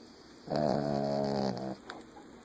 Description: My dog Butters snoring